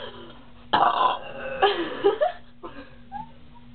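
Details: Two girls burping on purpose as much as they can while drinking cream soda: two to three loud, rough voiced burps over a faint steady hum.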